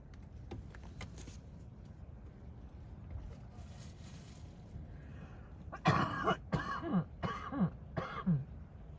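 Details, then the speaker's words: Adult speaker's cough after drinking cold coffee: cluster of short coughs and throat clearing, about five bursts in three seconds, quiet outdoor background. "Excuse me. Okay, so drinking cold coffee was probably the wrong thing."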